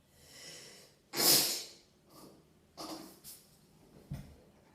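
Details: A sneeze recorded while the subject is sitting: a loud, hissing burst of air through the nose, followed by softer snorts and breaths; fits a sneeze or snort.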